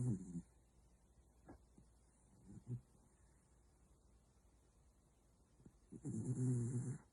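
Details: Corgi napping: two low rattling snore breaths at start and end with faint snuffles between; dog snoring.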